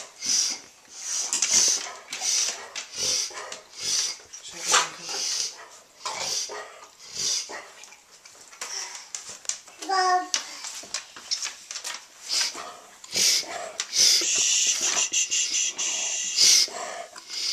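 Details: Dog making rapid, repeated snorting inhalations, the honking pattern of a reverse sneeze; reverse sneezing.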